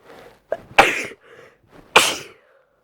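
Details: A female with a cold sneezes: two forceful sneezes, each preceded by a quick catching inhale.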